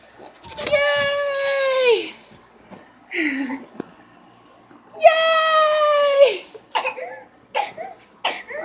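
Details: Young girl on her birthday has a whooping cough fit: long, high-pitched drawn-out whoops alternating with short sharp coughs; whooping cough (pertussis).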